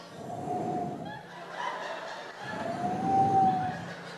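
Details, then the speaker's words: A dog snores softly in slow breaths with a faint whistle, the second breath slightly louder; snoring starts soft and grows louder. "con un ronquido que empieza de menor y termina en mayor. Empiezan a roncar tan suave que hasta te relajas de lo suave que roncan al principio."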